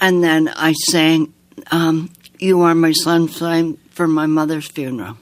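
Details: Woman living with aphasia after strokes, who can sing more easily than she can talk; aphasia.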